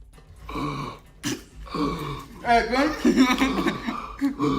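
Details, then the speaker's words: Strained, voiced gagging, sputtering and retching with harsh gasps as air rushes back into a man's lungs after choking on inhaled dust; he recovered. "one of them is able to laugh it off but the other begins to gag and sputter as he becomes unable to breathe listen to the sound of air rush back into his lungs"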